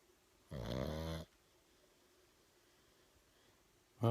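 One long, buzzing, rattling snore on the in-breath, followed by quiet; a sleeping pug snoring.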